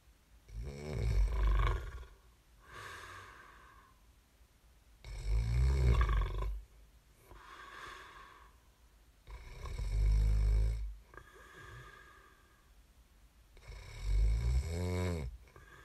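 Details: ASMR snoring recording made for listening to fall asleep: loud, deep, rattling snores on each in-breath with softer out-breaths, four cycles in about sixteen seconds, roughly 15 breaths a minute.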